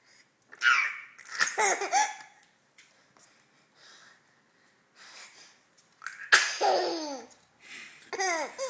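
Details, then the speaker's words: Standing child laughing, with a single sharp, breathy sneeze in the middle of the giggling, called a funny laughing sneeze; sneezing. "Bless you. That's a funny laughing sneeze."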